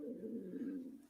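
A drawn-out, low gurgling rumble lasting about a second: stomach growling, ordinary gut noise from hunger.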